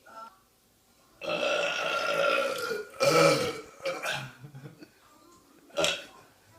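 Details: Deliberate burping recorded on a phone: a long, drawn-out rumbling belch followed by shorter burps, faint background music.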